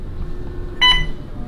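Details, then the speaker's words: Woman in labor with epidural and IV fluids in hospital: a short pair of electronic beeps over room noise from a bedside machine, which the nurse silenced; reportedly her fluid bag had only an hour left. "one of these machines in here started beeping okay okay all right hopefully they come and stop the beeping I didn't do anything so nurse came in she stopped the beeping apparently was her bag of fluids is only has an hour left"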